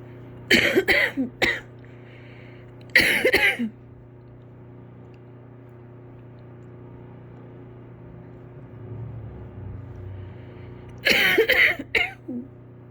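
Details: Adult sick with a feverish illness: three bouts of harsh coughing over a steady background hum, a chesty cough with congestion.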